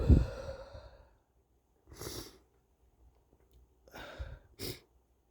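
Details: Several wet, stuffy sneezes and sniffs in a quiet room, one fading sneeze first; male sneezer, the last sneeze described as feeling like his head exploded.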